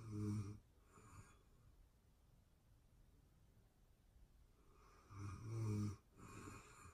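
Quiet room with two breathing cycles; a loud, low, rattling inbreath snore followed by a softer outbreath. Ordinary sleep snoring.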